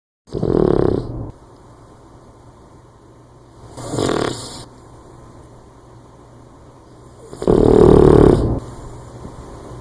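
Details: A sleeping boxer puppy snores like a buzz saw and starts sleep twitches: three loud, rough breathing bursts a few seconds apart over quiet room noise; snoring.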